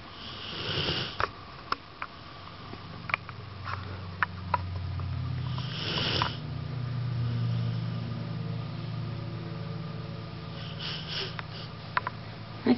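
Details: Rottweiler totally zonked out asleep; slow, low rumbling snores on the breaths of a sleeping large dog, with a few sniffs and clicks over steady room noise; snoring.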